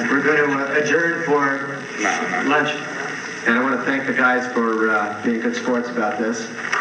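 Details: Adult man speaking to a group; normal fluent speech.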